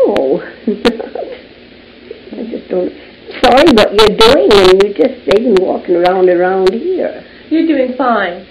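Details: Patient with Wernicke's aphasia, typically stroke-caused, affecting Wernicke's area in the left hemisphere; fluent but meaningless speech answering a yes/no question. Wernicke's aphasia.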